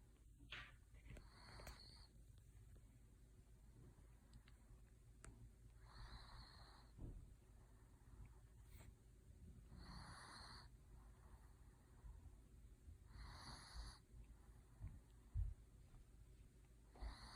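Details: Quiet snoring: soft, rough breathing noises recurring about every three to four seconds against a steady room hum.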